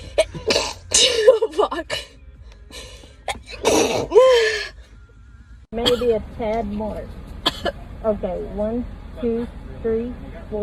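Several sharp sneeze bursts with gasps and throat sounds, then talking and laughter over faint music; sneezing from nasal irritation.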